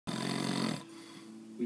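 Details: Sleeping husband who insists he does not snore: a loud, rough snore on the in-breath, trailing into a softer steady tone; snoring.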